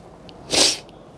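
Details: A single sharp, hissing sneeze in a quiet room, from an adult who is a bit sick.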